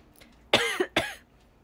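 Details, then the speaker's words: Asthma cough in a young woman with no cold, fever or runny nose, only asthma: two short, voiced coughs in quick succession in a quiet room. "今、喘息でめっちゃ咳出るんですよ。ごめんなさい。ね、お話し会の時もみんな思ったと思うけど。"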